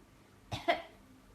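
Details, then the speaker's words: A single short two-part cough from a child acting on request, not a real cough; imitated cough. "Waduh, batuk ya? Ada? batuk. Batuk ya?"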